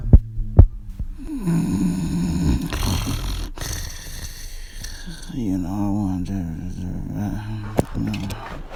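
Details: Roommate snoring during quarantine, in a comedy clip: loud, rough, rattling snores with a deep buzzing tone, plus a few knocks; heavy snoring.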